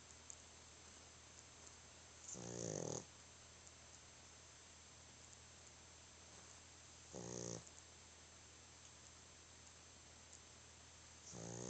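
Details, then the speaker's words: Very tired sleeping dog snoring: short rumbling snorts about every 4 to 5 seconds over a steady background hum. "Stop all that snoring. You drooling."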